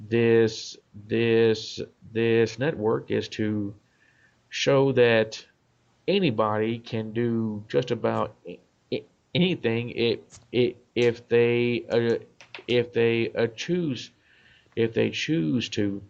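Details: Adult man, self-described stutterer; part-word and whole-word repetitions; stuttering.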